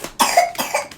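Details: Two quick, harsh cough bursts from an adult, each with a sharp explosive onset and a rough airy tail; cough.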